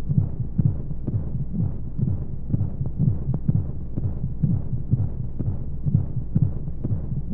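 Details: Womb-sound sleep aid for babies with white noise: steady muffled low thumping heartbeat, about 125 beats a minute, under a soft whooshing background of monotonous flowing sounds.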